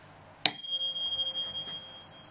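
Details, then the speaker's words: Advanced health assessment head-to-toe exam, cranial nerve 8 testing after a normal whisper test: a single strike, then a clear, steady high tuning fork tone fading over about two seconds, for the Weber test. "Next, I'm going to use the tuning fork. And we're going to perform the Weber test first."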